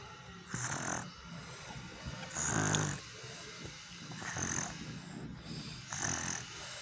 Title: Kids #Snoring